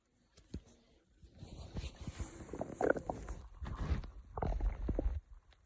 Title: len kagamine stomach growling